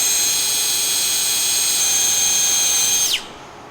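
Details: Powered surgical drill reaming the tibial tunnel at 55 degrees in a right knee during anatomic soft-tissue ACL reconstruction, a demonstration: steady high-pitched motor whine for about three seconds, then winding down.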